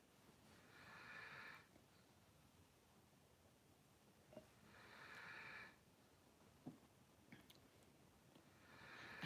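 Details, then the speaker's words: Dog snoring in the background during a live stream, once mistaken for a husband snoring. "Can you hear the dog snoring? Somebody one time thought it was my husband."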